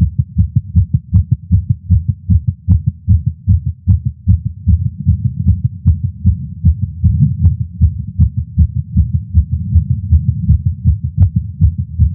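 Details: Male's heartbeat via Stemoscope stethoscope while smoking a cigar after a long break, feeling lightheaded: fast, regular heartbeat at roughly 150 a minute; tachycardia after nicotine.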